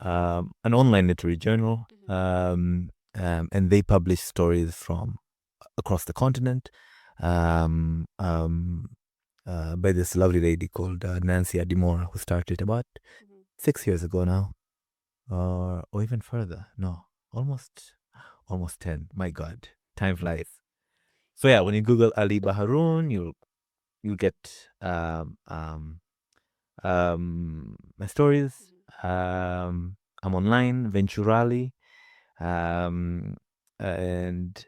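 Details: Adult man with a stutter who works with a community of people who stutter; stuttering.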